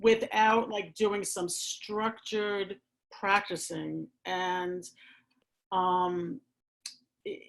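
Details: Adult who stammers, speaking in a real chat; stuttering.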